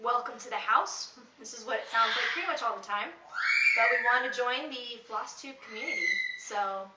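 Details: Adult woman speaking; normal speech.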